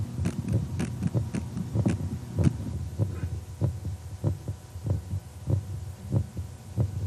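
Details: Regular low heart thumps at about 95 beats a minute, played from a heart sound bench; heartbeat.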